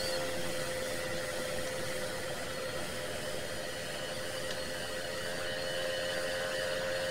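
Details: Steady unbroken hiss and whir with faint constant hum, no pauses or breaths: an aerosol nebulizer running from an oxygen cylinder, recorded as white noise; nebulizer running.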